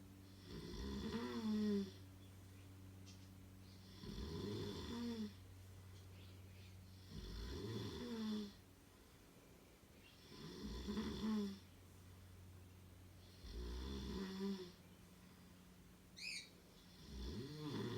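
Rough rattling snores with each breath, about six in 18 seconds over a steady low room hum; ordinary snoring.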